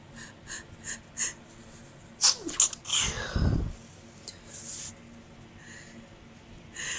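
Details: Quick sniffs build up, then partly stifled sneezes from a woman with nasal irritation all day, after a tiny amount of chhikni snuff; allergic sneezing, stifled to avoid neighbours hearing.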